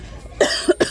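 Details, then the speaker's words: Two or three short, hacking dry coughs with no rattle, during an embarrassing coughing fit from a very dry throat while shopping in a store; the person says she feels like she is choking. "hey guys I'm choking I don't know if I can finish the video I don't want people to freak out on me I got a very dry"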